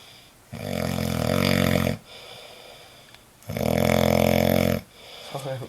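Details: Two long, loud, rattling snores, each about 1.5 seconds, from a person sleeping in a shared room, separated by quieter out-breaths in a regular pattern: snoring.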